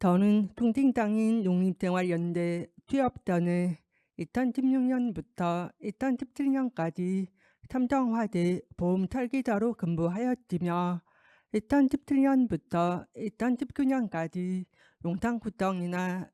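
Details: Deaf adult woman with a left-ear cochlear implant, followed by speech-language therapy; deaf speech (cochlear implant user).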